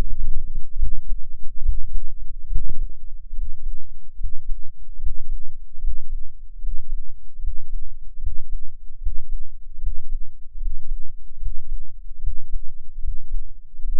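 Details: Normal adult heart sounds at about 75/min, recorded of the recordist's own heart with an experimental microphone enclosure and tube; low, dull thumps dominated by about 10 Hz, recording includes a breath-hold.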